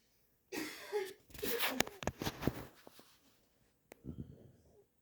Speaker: When snores, he whistles through his nose because he has the tiniest nostrils.